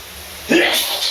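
A single voiced sneeze bursts out over steady running-water noise, as in a shower.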